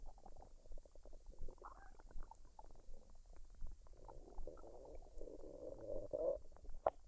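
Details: Normal bowel sounds, stomach digesting noises recorded from a woman's belly after a meal of fried rice and duck; unedited, no artificial sounds, no talking.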